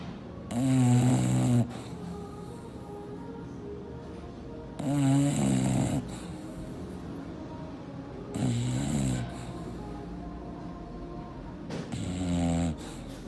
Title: Chubby the snoring bulldog